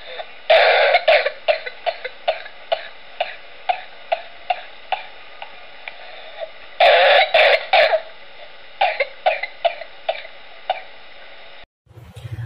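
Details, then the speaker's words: Cough without a whoop, contrasted with whooping cough: two runs of repeated dry coughs with no whooping inspiratory sound between them. "और अब सुनिए कि अगर cup है जिसमें whooping नहीं है तो कैसा होगा"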